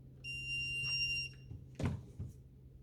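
A clear, steady electronic beep of about a second, then a few soft knocks. A training defibrillator switching on.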